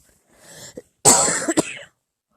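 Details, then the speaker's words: An adult sick with COVID-19, diagnosed with bronchitis in the ER, clears the throat softly, then gives a harsh cough of two or three bursts. "well i've been talking too much so um it's gonna cause me to cough more but thank you for excuse me listening"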